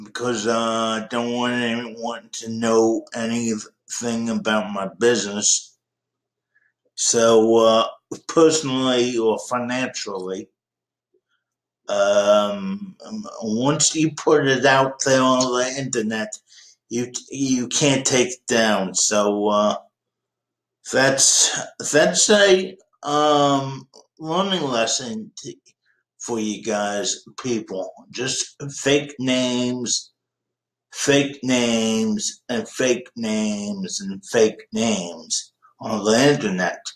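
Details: 51-year-old man with cerebral palsy since birth; he says people think he might be drunk but he is not; dysarthria (cerebral palsy).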